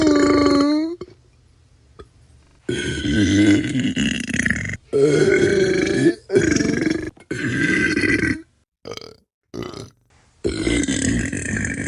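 A run of long, loud, gurgling belches with short pauses between them, from a sound-effect compilation.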